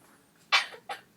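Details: Cockatoo coughing: two short, harsh, hissy coughs, the second weaker than the first.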